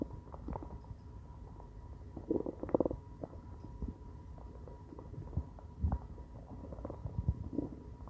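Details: Quiet, low gurgles and crackly rumbles coming and going over a faint steady hum: hunger-related stomach growling (borborygmi).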